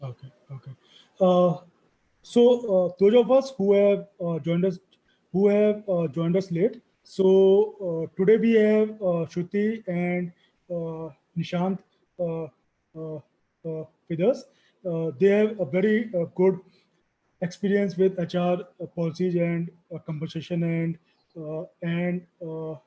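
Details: Real stammering in a stammering-association session moderator who refers to their own stammering; stuttering.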